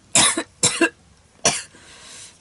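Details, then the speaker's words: Adult with constitutional asthma, unwell and barely able to speak, coughs three times in quick succession: short harsh bursts with quiet room noise between them. "もともと体質的に喘息も持っているんですが、ちょっとこの"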